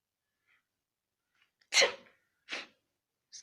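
A sharp, explosive sneeze followed by a second, smaller one.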